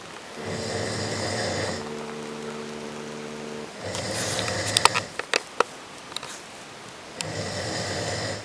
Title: about snoring